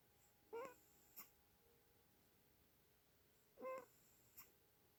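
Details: Two short, soft, squeaky snorts a few seconds apart, each followed by a faint click; a sleeping cat's weird little snore.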